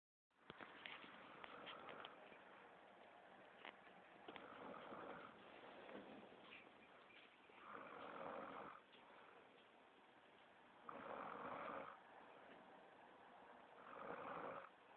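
Soft, breathy snores return every few seconds over steady room noise, about 20 a minute, in a regular sleep-breathing rhythm.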